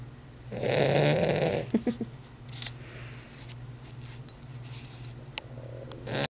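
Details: One loud, rough snoring breath, then a few short snorts and quieter breathing from Elliot, a sleeping Weimaraner dog; snoring.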